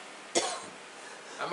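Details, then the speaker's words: Woman recovering from flu: one sharp, harsh cough burst with a brief trailing sound in a quiet room; cough. "you can hear the camera girl coughing we're getting over we're getting over the flu Bob"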